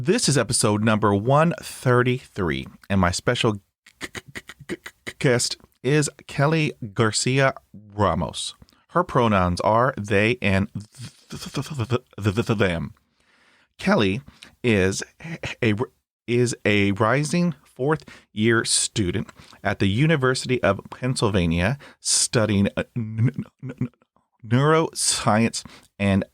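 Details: Real speech from the host of a podcast by and for people who stutter: stuttering.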